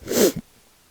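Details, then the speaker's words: Adult man who says he has been coughing up blood and was told to go to the ER: a single harsh, forceful cough burst with a brief catch at its end, then quiet. "especially some of these places we go to are requiring us pretty much to wear a hazmat suit, and if I'm hacking up blood in front of them, it's probably not a good deal."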